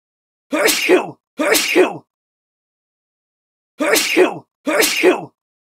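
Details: Sound effect of a sick adult man sneezing: four sharp voiced sneezes in two pairs, each a quick intake then explosive release.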